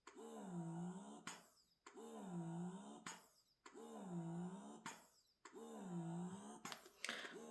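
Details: Wearable breast pump running during a noise comparison test: quiet, rhythmic motor cycles, a rising and falling whir about every 1.8 seconds, each ending with a soft click.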